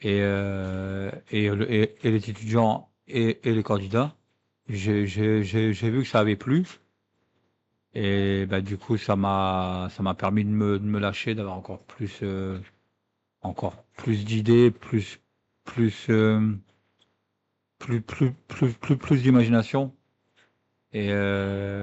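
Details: Adult who stutters, speaking French about a public-speaking contest for people who stutter; stuttering with mild repetition such as "la la".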